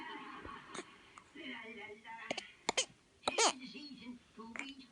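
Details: Coughing.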